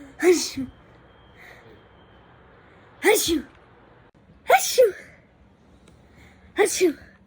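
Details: Four voiced sneezes in different styles, each a sharp burst with a quick vocal tail, a few seconds apart, showing how different people sneeze.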